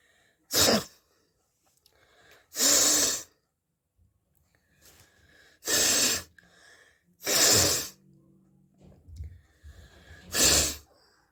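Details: Five sharp, explosive sneezes over about eleven seconds, with quiet breathing between them, during a nose sneezing challenge.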